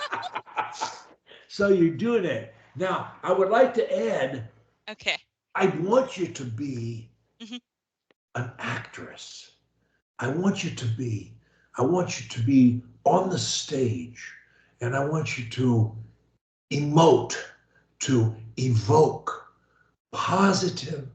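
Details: Adult man, speech coach; typical speech.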